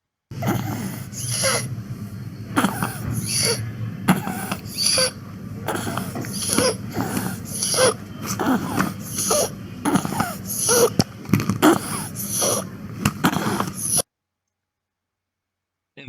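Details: Rapid, noisy breathing in a child with faint musical whistling through the breath cycles, fitting wheeze, shown as an example contrasting wheeze with stridor in children.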